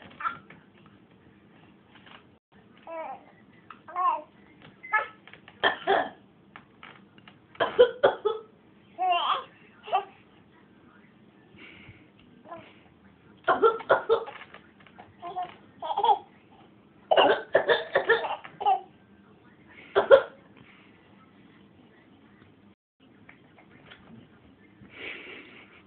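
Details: A young child making short, deliberate fake coughs mixed with babbling and vocal play in a quiet room.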